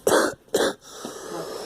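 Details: Two short, harsh cough bursts in quick succession, then quiet room noise; coughing.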